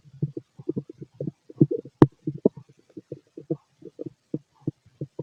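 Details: Male's stomach growling: rapid bubbling, popping gurgles in quick succession with one sharp click; active, normal bowel sounds of a healthy digestive system.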